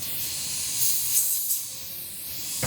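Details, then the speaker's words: High-speed dental handpiece with a small number 12 diamond bur, steady hiss with air spray and faint whine, cutting an initial pilot hole on a very thin ridge so the implant pilot drill gains purchase. "I use a very small number 12 Diamond Burr to make my initial pilot hole that way we have a way to have the pilot drill have a purchase point on the rear on the very thin Ridge"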